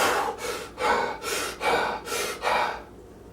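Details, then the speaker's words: Deep, rapid, forceful breaths, about four in three seconds, imitated by an adult to show a patient compensating for metabolic acidosis by blowing off CO2: Kussmaul breathing. "so this is basically what you're going to say the patient comes in and this is how they're breathing"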